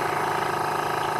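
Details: Steady droning motor hum of a nebulizer compressor during a roughly 15-minute mask treatment of a pet rabbit with Pasteurella infection, 1.5 mL saline with antibiotics twice daily.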